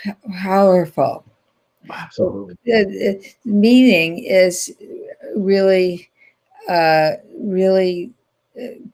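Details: Woman with aphasia after a stroke in 2010, in ongoing rehabilitation therapy; aphasia.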